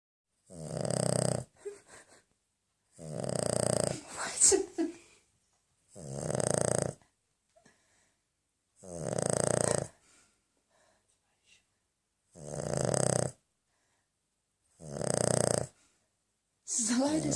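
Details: A dog snoring loudly and roughly, about every two and a half seconds (around 24 a minute), with quiet pauses between snores; the person recording says it is not normal.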